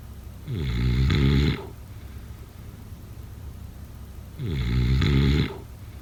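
Two deep, rattling snores about four seconds apart, each lasting about a second, with quiet breathing between; ordinary snoring.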